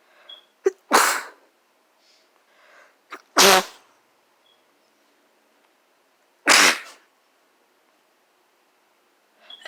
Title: Oof (sneezes)